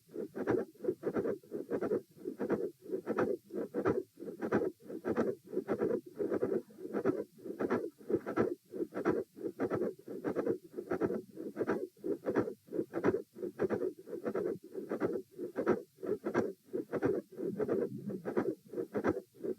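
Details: Repeat heart auscultation stress test at chest position E: midsystolic click and murmur with a fixed split S2, recorded across lying, sitting, standing and lying again, with heart rates 84, 96, 114 and 78 bpm.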